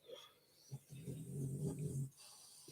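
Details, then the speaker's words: A pet dog, Trixie, snoring heavily while asleep during an evening crafting chat: snoring. "you can hear snore and it's Trixie she's having a real old floor"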